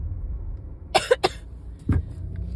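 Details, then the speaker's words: Cough in a person with bronchitis, recorded while driving; reports chronic winter allergy/asthma-type illness: quick series of three sharp coughs then a lower throaty cough over car road noise. "so as you might be able to hear um I am still sick I do have bronchitis um"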